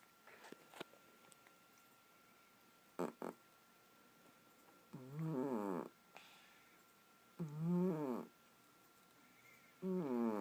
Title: My cat Poopers snoring